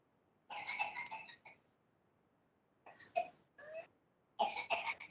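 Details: Runs of rapid coughs in bursts with gasping breaths between, a paroxysmal cough of whooping cough (pertussis).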